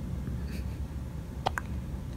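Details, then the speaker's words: Hiccups in a newborn boy less than a day old (7 lb 13 oz, 21 in), his first after birth: a quick two-part hiccup, a sharp squeak and catch, over low room hum. "So far, we have seen his first hiccups. Here are his first out of womb hiccups."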